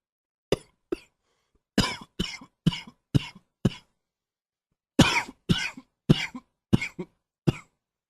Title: Coughing 78